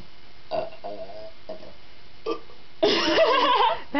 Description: two best friends burpin away